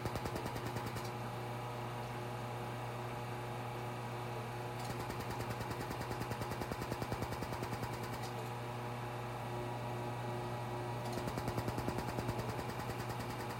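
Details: Rapid regular clicking pulses, about 200 a minute, in runs over a steady hum: a Laser Genesis cosmetic laser firing under the eyes of a female client wearing goggles, treating fine lines, near the end of treatment.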